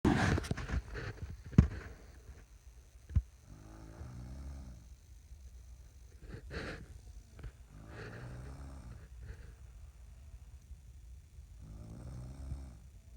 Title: Snoring banjos